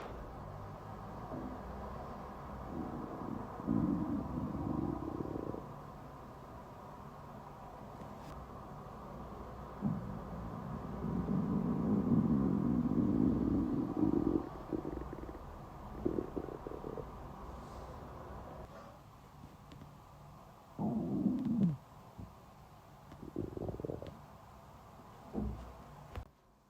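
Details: Stomach rumbling during a 36-hour fast: low gurgling and growling bowel sounds in irregular bursts, typical hunger rumbling of an empty stomach.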